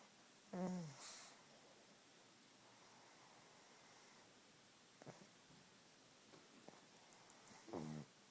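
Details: Sleeping pug snoring: two short snorting, whistling snores a few seconds apart in a quiet room.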